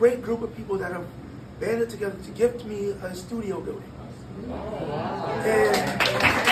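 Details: 22-year-old man born prematurely at about one pound, vocal cords still developing as he grew and still not closing all the way; breathy voice from incomplete vocal fold closure.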